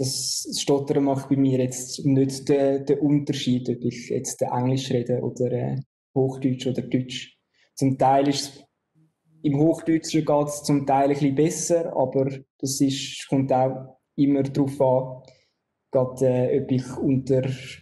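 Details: Adult who stutters, with onset around the third year of life; stuttering as a disruption of speech flow with repeated words, syllables or sounds.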